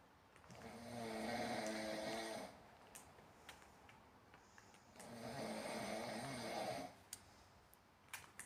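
Two long, loud, buzzy snores on breathing in, about 15 a minute, with faint clicks between: snoring.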